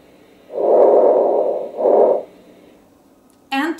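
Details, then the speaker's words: Lung auscultation teaching recording of decreased vesicular breathing: soft, muffled breath sounds with audible inhalation and short exhalation. "changes in pathology it could be quantitative changes increased vesicular respiration and decreased vesicular respiration"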